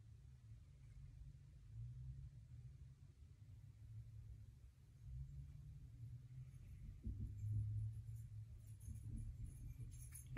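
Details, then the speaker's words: Abdominal auscultation with stethoscope over aortic, renal, iliac and femoral sites in a healthy patient during a student nurse assessment: quiet low contact rumble, no whooshing bruit; normal, no abdominal bruit. "All right. And I didn't hear anything there, so that is completely normal. No abnormalities."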